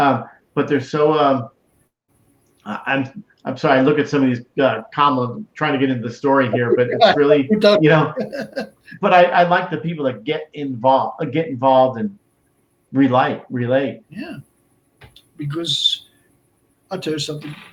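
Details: Adult man with Broca's aphasia for more than 8 years after a stroke in March 2011; he is also a heart transplant recipient. Speech is limited to short utterances, with laborious word-finding and more difficulty with verbs than nouns.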